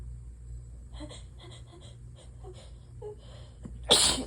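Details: Allergy sneeze, triggered by sitting by an open window, congested, while trying to hold back and stifle: quiet catching breaths and small stifled sounds build to one loud, explosive sneeze.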